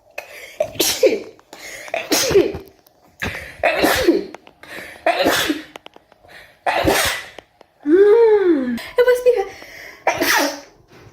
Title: TikTok Rapid Sneezing Compilation 7